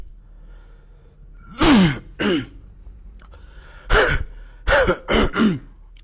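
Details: Six short, harsh coughs in two groups, deliberately imitated by an adult in a quiet room.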